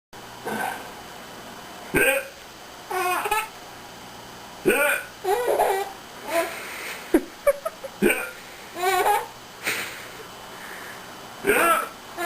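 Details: Hiccups: short, abrupt vocal catches recurring every second or two amid babbling and giggles.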